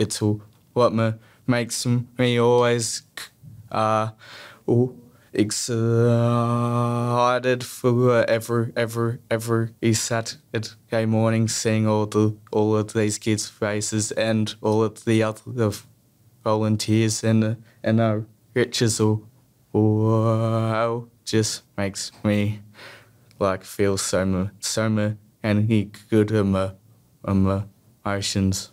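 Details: Persistent stuttering in an adult male who has stuttered since childhood, with repetitions, prolongations and blocks.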